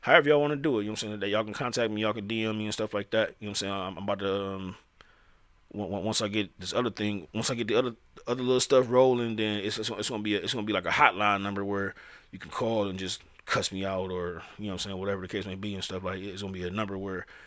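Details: Adult male who says he stutters; real speech with repeated phrases; finding: stuttering.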